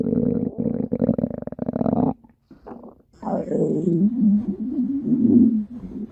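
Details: Low gurgling, rumbling bowel sounds with a brief pause from a pet rabbit's tummy: normal active gut sounds.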